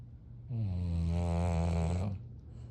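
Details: Sleeping English Bulldogs snoring: one long, deep, droning snore, resonant and steady for about a second and a half.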